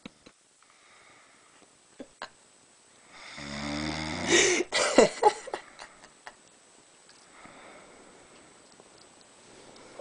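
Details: Sleeping friend snoring in a quiet room: a single loud rattling snore on the in-breath, followed by snorting gasps. Ordinary snoring.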